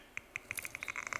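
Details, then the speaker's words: Sharp irregular clicks and pops with brief bursts: a single neuron firing in a patient's brain, recorded by an electrode placed beside brain cells and played as sound. "you hear that this is the sound of one selling this person's brain speaking"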